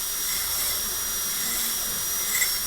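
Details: Steady high-pitched whine with airy hiss throughout: high-speed dental drill during maxillary premolar class II cavity preparation at a dentists' training course, shaping facial and lingual margins.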